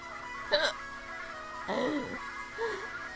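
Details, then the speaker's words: Person with hiccups while singing along to Dance Gavin Dance's "Powder to the People": three brief voiced hiccup jerks in about three seconds interrupt the singing over background music. "Too bad I screwed it up singing it with hiccups."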